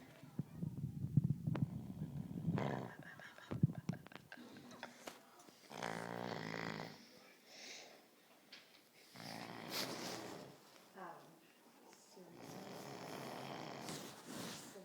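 Loud, rough, buzzing snores recurring every few seconds, with some rustling and background noise.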